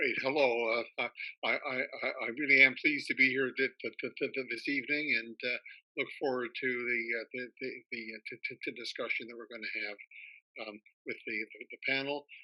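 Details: Retired male academic who stutters; spoke only with great difficulty when young, now has reasonably good control most of the time; part-word and word repetitions heard; stuttering.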